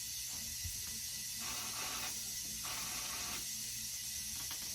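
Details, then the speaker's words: Sterile tracheal suctioning skills demonstration: after connecting the suction tubing, sterile water is drawn through to flush it, giving a continuous suction hiss with alternating gurgling bursts; suction catheter flushing. "Okay, next I'm just going to connect my tubing, my suction tube or tubing here to this. So once I hold this, I'm no longer sterile with my non-dominant hand. Alright, and then next we just want to flush the tubing."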